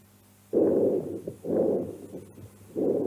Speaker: Soplo brónquico. Sí, es un sonido inspiratorio expiratorio sobre la condensación. Sí. A nivel de campos pulmonares.